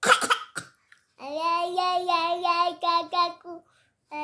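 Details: Child coughing while singing: several quick, harsh coughs, then the singing resumes.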